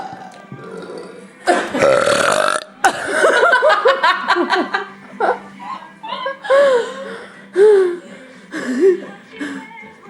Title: #burpgirl #burp #burping #burpqueen #belch #belching #eructo #eructos #rutto #arroto #rülpsen